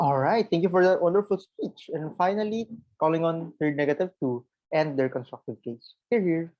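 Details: Adult speaker; Normal speech.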